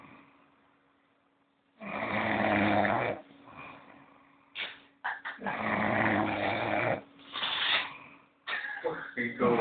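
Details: Loud, rough, rattling snores on each in-breath, about 17 a minute, with quieter out-breaths between; a person snoring heavily.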